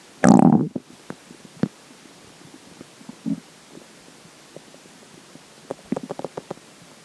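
Gurgling and bubbling stomach sounds, one long rumble then scattered small pops and gurgles; ordinary bowel sounds.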